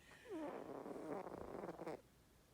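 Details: A napping cat, deeply asleep and impossible to wake, gives one soft, rattling, purr-like breath lasting about a second and a half: snoring.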